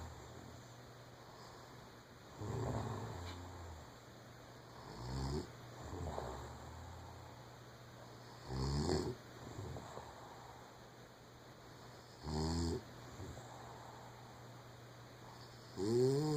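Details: Adult woman asleep, snoring: loud, rough snores at uneven intervals, about four in 16 seconds, over steady room hum; ordinary snoring.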